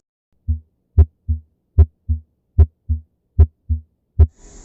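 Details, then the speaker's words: Child's cardiac exam, auscultation at the mitral area (apex, fifth intercostal space), where S1 is heard best: normal heart sounds. "biasanya bunyi jantung satu terdengar paling baik pada daerah Mitra"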